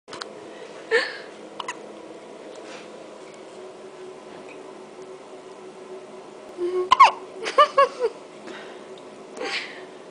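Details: Newborn boy, one day old, with hiccups: brief, sharp catches of breath with a little squeaky voice, recurring at irregular intervals, some close together, over quiet room noise.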